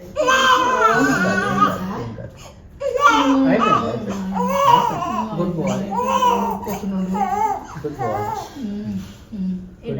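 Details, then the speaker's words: Newborn on day 2–3 after birth in hospital crying loudly in repeated sobbing bursts with brief pauses and soft adult voices behind, while receiving vaccine injections. "ఇది కొంచెం deeper గా ఇస్తాను sir ఎక్కువ ఏడుస్తారు ఓ ఏం లేదు ఏం లేదు నాన్న అయిపోయింది నాన్న"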